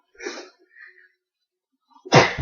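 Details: Jenna sneezing: a brief inward breath, then a single loud explosive sneeze burst.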